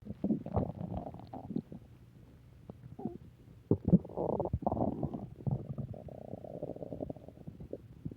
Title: Return of stomach growling 3